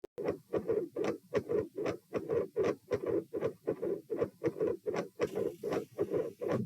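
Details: Auscultation stress test at position P (rates 78–102–120–138 bpm across lying, sitting, standing, bobbing, standing; unusually loud supine): loud, dense, regular heartbeats about 77/min with smeared noisy sound around S2, an S2 murmur.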